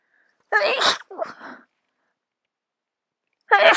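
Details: Sneezing during a cold with a very itchy nose: a sharp in-breath, then a loud explosive sneeze and a short trailing burst, with the start of another sneeze at the end.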